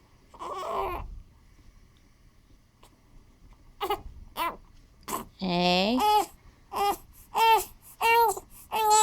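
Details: Baby on a bouncer who had been hiccuping: short, repeated fussy cries and whimpers with quiet gaps between, an ordinary infant cry.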